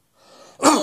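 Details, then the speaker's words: Brief in-breath, then one harsh, voiced cough burst, the cough of upper airway disease (pharyngitis, laryngitis, tracheitis), played from an audio library. "और इवन ट्रेकियाटिस की we sounds हमें खांसी हमें किस तरह की सुनाई देगी।"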